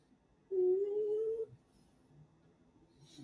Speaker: Yeah, it's wheezing. These dogs have problems breathing.